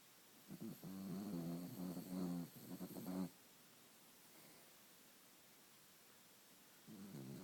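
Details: Dog snoring while asleep, usually louder than this: soft, fluttering, rumbling snore in short vibrating bursts, then a pause before the next breath.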